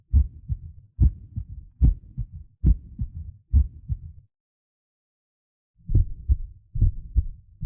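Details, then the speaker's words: Animation demonstrating normal heart sounds: regular paired lub-dub S1 and S2 at about 70 a minute with a short pause; S1 as mitral and tricuspid valves close, S2 as aortic and pulmonary valves close. "Saat katup aorta dan pulmonal menutup. Dan beginilah suaranya dari jantung S1 dan S2."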